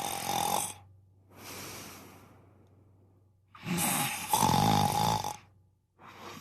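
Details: Person who claims they don't snore that loudly, snoring: loud rattling snores on the in-breath, separated by quieter out-breaths and pauses.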